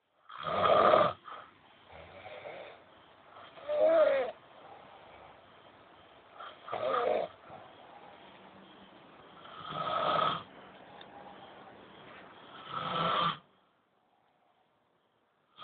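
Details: Old men snoring nightly while sleeping: rough, fluttering snores every three seconds or so, about 20 a minute, quiet breathing between; ordinary snoring.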